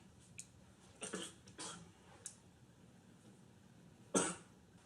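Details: Man smoking a cigar gives a few short, dry coughs and throat-clearing bursts with soft breathing between them in a quiet room.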